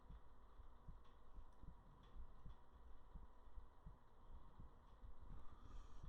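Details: Soft, regular low heartbeat thumps at about 80 a minute under a steady hum, recorded close to the chest for relaxation ASMR.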